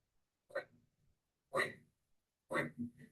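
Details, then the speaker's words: Fine crackles in a teaching demonstration: three short breath sounds with fine, crisp crackling like velcro ripping apart, described as end-inspiratory fine crackles, usually in the lower lung fields, as heard in atelectasis. "My diagram here shows inspiration and expiration. Fine crackles sound like velcro ripping apart."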